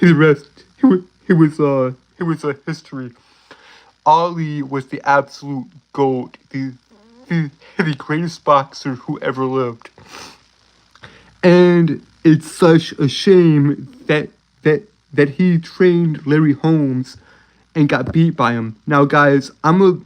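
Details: Male speaker with a self-reported speech impediment he says he cannot control; stuttering.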